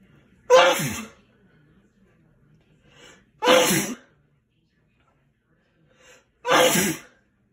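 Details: Father's Day sneezes: three loud, explosive sneezes a few seconds apart, each with a sharp burst of air; repeated sneezing.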